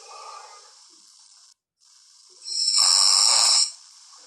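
One harsh, hissing snore on breathing in, heard through a noisy, hissy recording; snoring during sleep.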